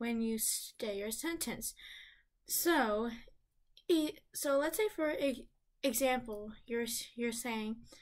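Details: Person who stutters, with audible word and part-word repetitions heard: stuttering.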